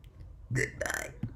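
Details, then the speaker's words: Voluntary burping demonstration, made by quickly inhaling air: a single loud, low, rumbling burp with a short trailing grunt over faint room noise. "Once you master this technique, you'll be able to burp like me, around 500 times in a row. So let's begin at 50."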